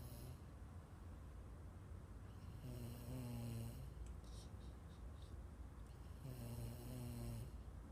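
Two low, buzzing snores on inhalation, about eight a minute, over steady room noise.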